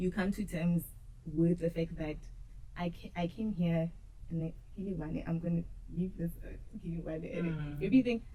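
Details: Adult woman who says she stutters and used to struggle a lot with stuttering; stuttering.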